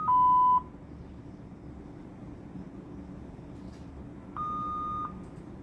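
Two steady electronic alarm tones, one short and one longer, over quiet room hum; typical intensive care equipment alarms.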